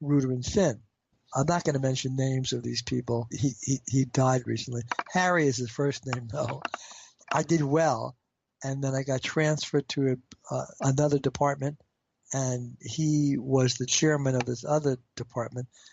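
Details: Adult man with a stutter; stuttering.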